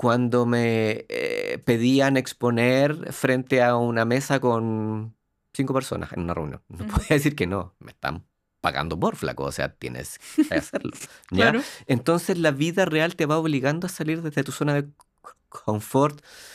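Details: Adult man, organizational psychologist, with lifelong stuttering since childhood; Spanish speech; stuttering.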